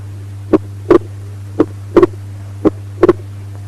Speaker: Normal heart sounds in the pulmonary area with splitting of S2 during inspiration. Inspiration, expiration, inspiration.